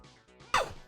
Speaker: Oh, je viens d'éternuer, vous avez entendu?